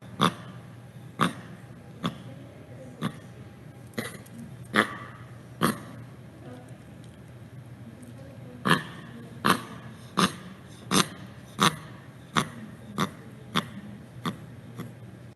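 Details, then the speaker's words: Dog panting with upper respiratory noise: repeated sharp snorting inhalations about 80 a minute; reverse sneezing. "this is what we call reverse sneezing okay this dog if you listen to it properly yes this dog is actually painting but when you listen to it properly you will hear other sounds also as well"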